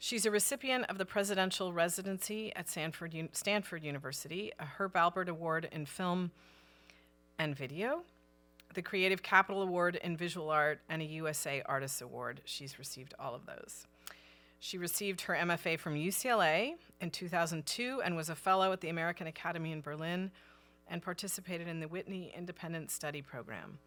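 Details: Adult woman; normal speech.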